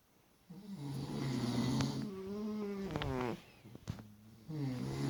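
Low, rumbling, buzzing breaths repeat through the clip with a rough, fluttering tone: snoring during sleep.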